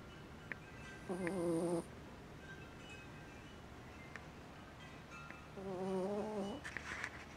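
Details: Exhausted male cat asleep and snoring loudly: two drawn-out, buzzing, slightly tonal breaths over a quiet background.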